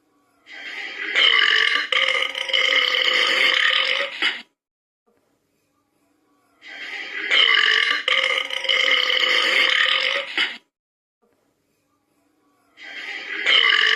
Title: Burping for 30 seconds